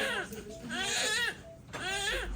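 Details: Newborn baby boy just after delivery, following induction at 38 weeks for maternal preeclampsia: several short, high-pitched, vigorous wailing cries with brief pauses between them.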